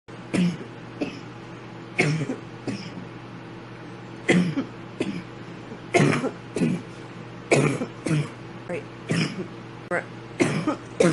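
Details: A girl has a coughing fit after hitting a bong: about fifteen harsh, explosive coughs in uneven clusters.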